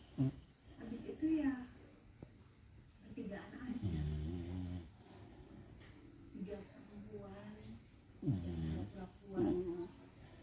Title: Snoring Beagle after bathing